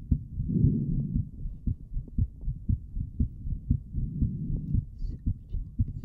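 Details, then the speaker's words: Streamer's own heartbeat picked up by a microphone during a relaxing ASMR session, said to be beating hard with paired strong beats: regular low thumping with a brief rustle near the start; normal heartbeat. "It's beating hard because this mic actually just went in a red. It's very interesting because it pumps twice normal, and then it's pumping two times very hard."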